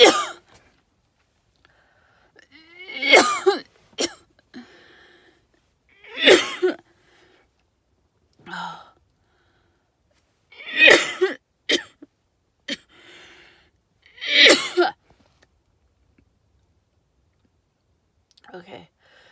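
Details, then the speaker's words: Adult outdoors in Vero Beach, Florida, in onshore wind during a red tide: about seven harsh coughs and throat clears in spaced bursts, starting almost at once. Irritant cough from red tide exposure. "you'll see the effects of the red tide on me it doesn't take long"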